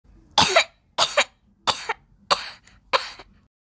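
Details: A sick young child gives five short, harsh coughs in quick succession, each with a sharp onset and brief tail, in a quiet room: repeated coughing.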